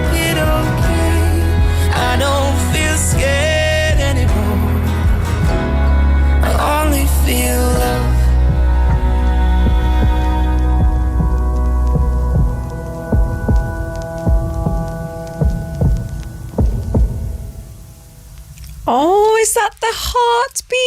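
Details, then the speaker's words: Ultrasound recording of twins' fetal heartbeats, blended into the end of a song: soft, rhythmic whooshing pulses emerge as the music fades, largely mixed with it. "so that is the actual ultrasound heartbeat of the twins isn't it"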